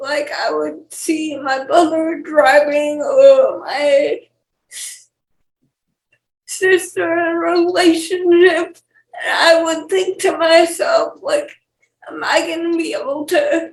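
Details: 28-year-old woman with cerebral palsy and speech issues; dysarthric speech in cerebral palsy.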